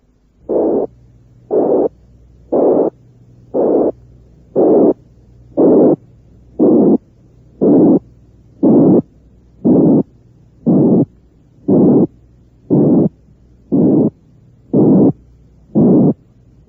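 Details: Simulated murmur from a teaching recording: regular hissing bursts about once a second, growing rougher as lower frequencies join in, reaching the 180–460-cycle harsh murmur associated with aortic and pulmonary stenosis.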